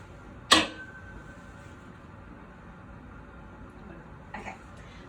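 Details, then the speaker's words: Nurse practitioner head-to-toe exam, acoustic nerve check: tuning fork struck sharply and placed on top of the patient's head for the Weber lateralization test; faint ringing fades, heard equally in both ears, a normal finding. "So I'm going to strike my tuning fork and I'm going to place it on the top of head, and she's going to tell me if she can hear it in both ears or if it's greater in"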